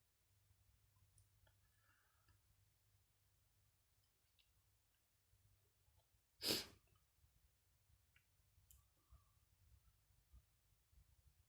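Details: Sneeze from a person with a stuffy nose: one sudden, explosive sneeze in a quiet room with faint rustling around it.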